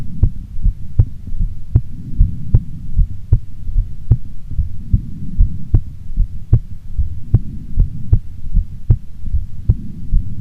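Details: Female heartbeat recorded before sleep: steady low thuds at about 76 beats a minute with a soft low hum behind; normal resting heartbeat.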